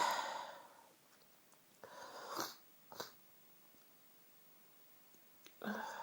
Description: lots of strong tickly cold sneezes..... all from the one fit